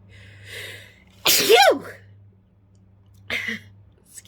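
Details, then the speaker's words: Woman sneezing from chhinkni snuff powder, eyes already watering from sneezes: sharp inhaled build-up, then one loud explosive sneeze followed by a smaller second burst. "so i'm already starting to cry from the sneezes this one"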